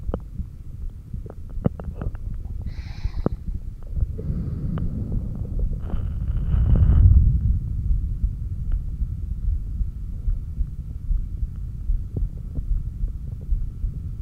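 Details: Bowel sounds (borborygmi) picked up by a stethoscope on the apex during breath-hold exercises: low rumbling and gurgling stomach growls, with faint clicks and thumps in the background.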